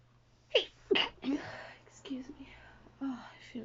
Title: stifles, let outs and failed holdback (dizzy female sneezes)